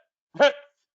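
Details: Vocal tic from an adult with Tourette syndrome, heard during a talk about romantic relationships: vocal tic.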